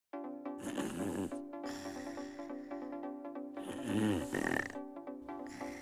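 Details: Snoring linked to obstructive sleep apnea, with repeated apneas or hypopneas from upper airway narrowing during sleep: loud, rough snoring bursts every couple of seconds over background music.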